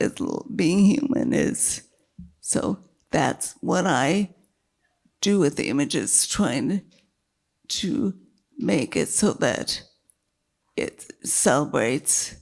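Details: Woman with multiple sclerosis and a failing diaphragm, struggling to keep her voice, with an earlier brain lesion that caused total speech loss and word-finding difficulty; dysphonia (weak voice).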